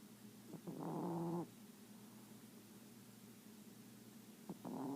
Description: This is how my little Chihuahua, Luna, sounds when she's sleeping.